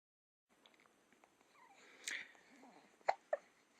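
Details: Young child with frequent hiccups: two short, sharp catching sounds about a quarter second apart after a soft vocal sound.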